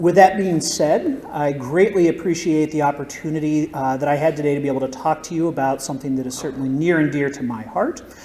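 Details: Adult male speaker; typical voice.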